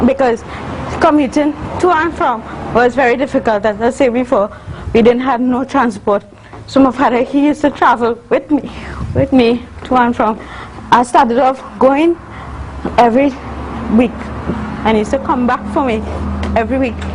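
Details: Adult woman, university student, with congenital cerebral palsy involving spasticity (stiff muscles) and athetosis (uncontrollable movements); dysarthria associated with cerebral palsy.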